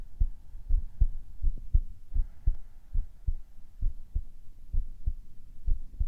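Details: Normal heartbeat of a man in a whispering ASMR recording: steady, regular thump-thump heart sounds.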